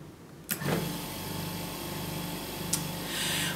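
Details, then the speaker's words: A veterinary Canta Intelligent V 8 L/min oxygen concentrator, with cannula attached, switched on by its power button: a click, then a steady low motor hum with rushing airflow as it starts and runs. "we have a kenel here so we'll just pop that on and we're ready to turn on the unit using our power"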